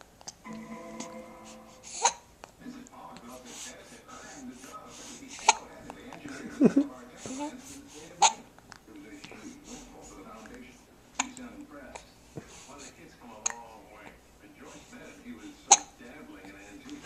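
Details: Recorded with a Flip Video camcorder: sharp, brief hiccup sounds recur every few seconds over background music and some talk; hiccups.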